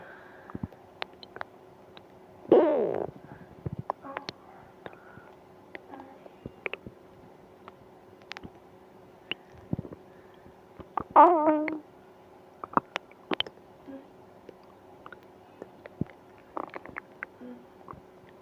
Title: Stomach pain after eating ice cream (stomach noise)